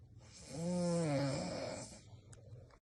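One long, loud, buzzing snore with a steady rasping pitch that swells and fades over about a second, then quiet breathing; room noise in the background.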